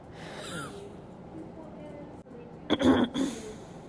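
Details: Person sick with flu recording their own coughs, audio only.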